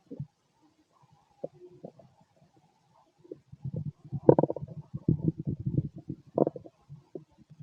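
Low gurgling, rumbling bursts from the abdomen: ordinary stomach growling as gas and fluid move through the gut.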